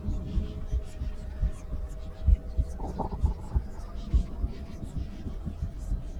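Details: Real female heartbeat recorded with a stethoscope at rest: regular, low heart thumps at a resting pace over a soft hum and faint whispery background; normal heartbeat.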